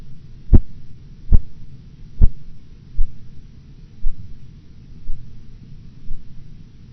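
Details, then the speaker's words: Clinical blood pressure measurement teaching recording, patient's pressure 116/90 mmHg; regular soft thumps about 76 a minute as the cuff deflates, sharpest at first then fading, first heard at 116 and gone at 90 mmHg; Korotkoff sounds. "you will hear nothing until the first korotkov sound appears at 116 millimeters of mercury the various phases of karakov sounds will be heard until their disappearance at 90 millimeters of mercury"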